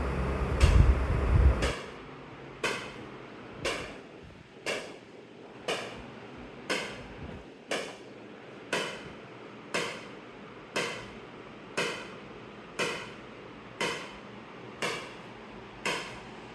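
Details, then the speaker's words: ESWL lithotripsy on a stone in the right proximal ureter, X-ray focused, patient lying comfortably without anesthesia: sharp regular shock-wave cracks about once a second, each with a short decaying ring, over quiet room hum. "अब ये सारी shock wave stone को ही लग रही है। यह देखिए। यह स्टोन बिल्कुल फोकस्ड है।"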